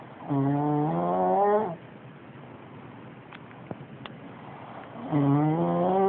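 Loud, droning, tonal snores on inhalation with a long quiet pause between them.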